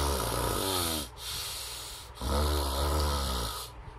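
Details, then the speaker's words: Awake adult, not asleep, deliberately imitating snoring through the nose to show how air vibrates the nasal septum: loud, buzzing nasal snoring sounds on two breaths; simulated nasal snoring. "khi mà tiếng ngáy Bạn muốn nó sẽ như thế này đó nếu mà nháy vào miệng nó sẽ lớn hơn gấp khoảng từ 3 cho đến năm lần"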